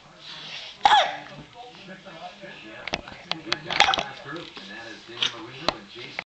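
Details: Baby gray with hiccups: several sharp, abrupt gulping bursts at irregular intervals over soft vocal sounds.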